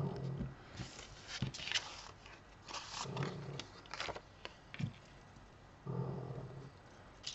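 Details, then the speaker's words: Loud snoring heard in the background during a craft tutorial, described as snoring like crazy. "vous trouviez que ronfler là c'est Toto qui ronfle je sais pas si vous l'entendez mais il ronfle de fou"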